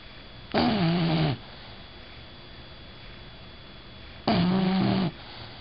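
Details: Female bulldog snoring while asleep: two long, low, rattling, rumbling breaths about four seconds apart against a steady room hum.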